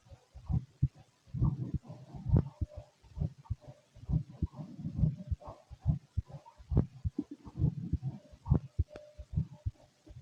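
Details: Fit adult male, heart heard through a stethoscope: low muffled thumps at about 68 a minute with some rustle and gurgling; normal heart sounds.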